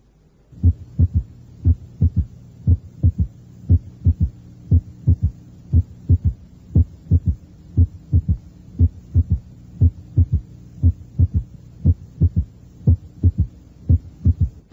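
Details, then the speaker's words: Third heart sound at the cardiac apex (review example 7, teaching recording): normal first and second heart sounds with a soft, low extra sound after S2, added at varying intensity. "oye un tercer ruido cardíaco el primero y segundo ruidos cardíacos son normales añadiré el tercer ruido cardíaco variando su intensidad"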